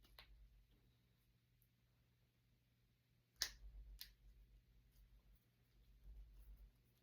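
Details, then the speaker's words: Several sharp pops in a quiet room, loudest near the middle, as a person deliberately cracks finger knuckles after a shower: harmless joint cracking (joint cavitation). "Oh my gosh. It's almost going to crack. Almost. Yes."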